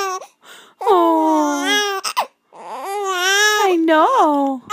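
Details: 7½-week-old infant upset by hiccups: loud, high-pitched crying in long wails broken by short catches of breath.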